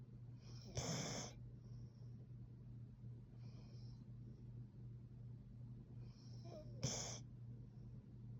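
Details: A sleeping female Plott hound mix gives soft, snuffly snoring breaths, with two sharper snorting inhales and fainter ones between, over a steady low background hum. Dog snoring.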